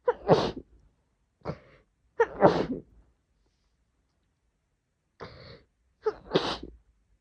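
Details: Woman sneezing: three forceful, messy, wet sneezes, each after a quick in-breath, with a short nasal sniff between.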